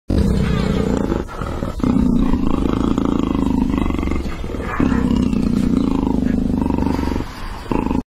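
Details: Leopard snoring: deep, loud rumbling breaths in long surges with brief pauses, about three cycles in eight seconds.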